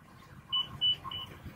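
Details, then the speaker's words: Alaris MedSystem III IV infusion pump being switched on during setup for critical care transport: three short, high electronic beeps in quick succession, its normal power-on tones. "so you have your lrs system 3 here you're going to turn it on all right"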